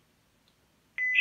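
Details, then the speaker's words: A brief pause, then a steady high electronic alert tone from an AED training device, signalling that a shock is advised and everyone must stand clear. This is a simulated training scenario. "advised stay clear of patient press the flesh and orange button now shock delivered"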